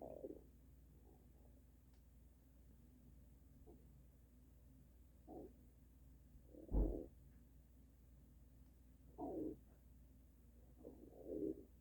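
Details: Extreme stomach noises: quiet low gurgles and rumbles come and go over steady background hiss; stomach rumbling from gas and fluid moving through the gut (borborygmi).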